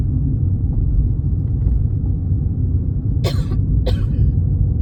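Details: Not ill, with a slight cough attributed to the change of seasons: two brief, mild dry coughs over heavy low rumbling background noise.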